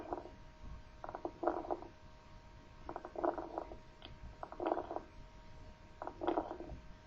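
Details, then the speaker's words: Coarse crackles (subcrepitant rales) over the chest wall, changing with cough, seen in consolidation such as tuberculosis and acute pulmonary edema: clusters of bubbling, popping crackles on each breath in and out. "se modifica con la tos y es un signo también de consolidación pulmonar por lo que lo encontraremos en tuberculosis y edem agudo del pulmón escuchemos un estertor subcrepitante"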